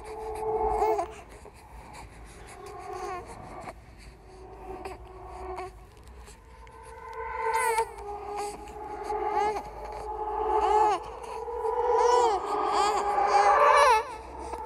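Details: Horror sound-effect collection of a ghost baby crying: whimpering, then rising wailing cries in a small room; infant cry.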